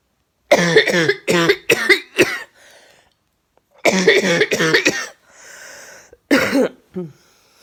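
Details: Two runs of loud, harsh coughs, about eight in all, with brief breaths between; chronic cough recurring yearly for five years, lasting 6 to 9 months, this year more settled on medication.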